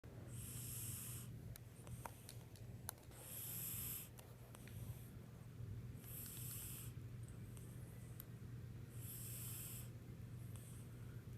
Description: Heard a funny sound and thought it was my son but it turned out to be Ichigo our lovely yellow tabby.